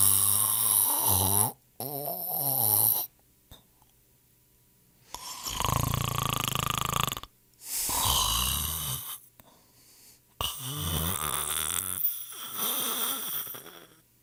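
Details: Several separate loud, rattling snores on in-breaths with short silent gaps, from a sound-effect collection of people snoring; snoring.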